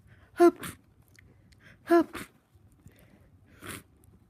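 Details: Sneezing fit during a bad cold, with over 100 sneezes in about two hours; three sneezes in quick succession, each a sharp voiced burst then a blast of air, the last softer.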